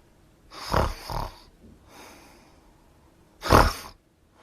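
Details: Sound-effect recording of snoring: loud, rough snorting breaths in short bursts with quieter breathing between.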